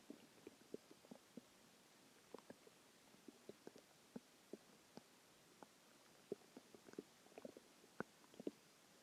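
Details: Borborygmi a few hours after a very large meal: frequent soft clicks and gurgles scattered through quiet, normal active bowel sounds.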